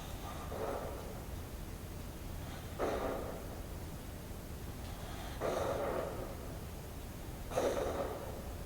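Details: Young female Welsh Corgi, adopted at 4 months old, snoring: four noisy, snorting breaths over about nine seconds, irregularly spaced, with steady background hiss.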